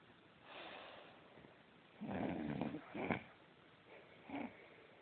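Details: Sleeping adult snoring loudly with harsh, rattling snores and a snorting quality over the breaths.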